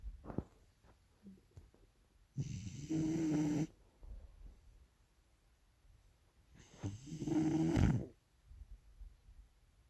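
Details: Sleeping bulldog snoring: two long, rough snoring breaths with a buzzing, slightly tonal edge, separated by quiet pauses.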